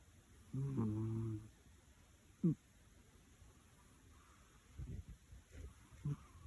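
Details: Soft, low buzzing snore from a napping cat, followed by faint short snuffles and puffs against quiet room noise; cat snoring.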